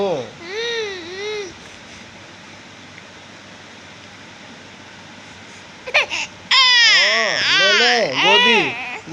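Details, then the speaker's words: Infant crying in short rising-and-falling wails, a quiet pause, then louder repeated sobbing cries, while an adult soothes in Hindi, telling the baby not to cry; infant cry. "बाबा हो ना, रोते नहीं, फिर रोना नहीं, रोना नहीं।"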